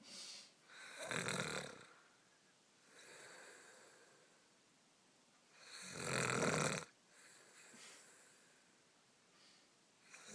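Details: Loud, rough snores about every five seconds with quieter breaths between, roughly 12 a minute, from a sleeping dog; heavy snoring.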